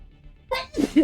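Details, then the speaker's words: Person with allergies sneezing while gaming: a quick in-breath followed by one sharp, explosive sneeze, with faint music behind. "Oh my god. I'm dying. Where are my allergy meds? Allergies."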